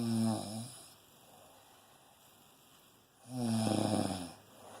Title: Cuddly snoring